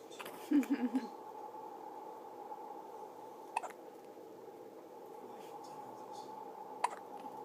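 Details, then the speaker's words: Hiccups: two brief, sharp hiccup sounds a few seconds apart over a steady room hum. "Are those hiccups silly? Are those silly hiccups? Yeah. Oh, they're kind of annoying, huh?"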